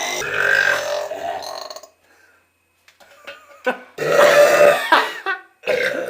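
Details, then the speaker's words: Deliberate forced burping: several long, loud belches with pauses between. "I had the best bre of my life and it gave me a headache and now my throat's sore"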